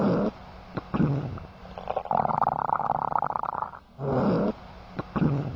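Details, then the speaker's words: Abdominal auscultation teaching example: loud, continuous, high-pitched rushing and tinkling gurgles signalling increased motility; hyperactive bowel sounds. "hyper active bowel sounds are loud continuous high-pitched rushing and tinkling sounds that signal increased motility they sound like"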